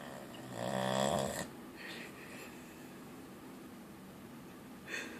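One loud rattling snore on an in-breath, followed by softer breathing and a brief snort; plain snoring.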